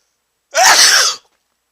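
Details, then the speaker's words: Man sneezing after sniffing chhinkni sneezing powder, nose still itching: a single loud, explosive sneeze with a sharp, hissing burst of air, well under a second; sneeze. "oh that was a big sneeze I usually don't sneeze that loud my nose is still itching"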